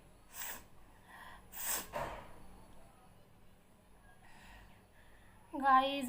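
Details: Deliberately provoked sneezing during a sneezing challenge: two or three sharp explosive sneezes, each with quick inhalation, then a brief voiced sound.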